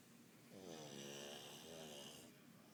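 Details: Pug dog snoring: a single drawn-out, buzzing, slightly whistling snore on one breath.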